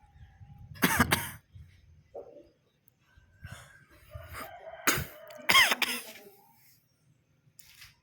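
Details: Javan myna (jalak kebo) being trained to talk, imitating a human cough ("batuk batuk"): several sharp cough-like bursts mixed with whistles and chatter.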